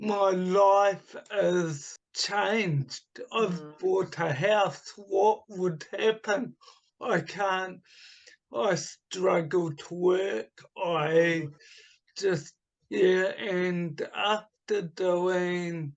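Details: Adult man with mild dysarthria from cerebral palsy caused by oxygen starvation at birth, also affecting his right hand; voice slightly unusual; speech formerly very slow, improved but not back to normal.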